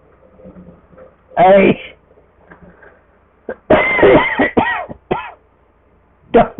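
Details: Adult's coughing fit: a run of harsh, loud coughs and throat clearing in quick bursts, about five episodes.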